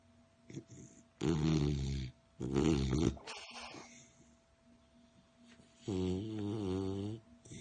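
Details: Snoring in a sleeping beagle: loud, rumbling snores, three long throaty breaths with quiet pauses between them and a faint steady room hum.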